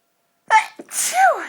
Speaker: I thought I'd try and talk to you all while sneezing for my allergies to dust